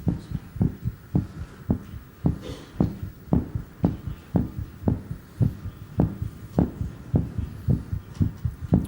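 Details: Televised demonstration of a man slowing his own pulse, with the heart rate counted down from a peak of 140 through 125 and 113 toward 109: a fast, fairly regular heartbeat at about 110–115 per minute over a low hum, settling down.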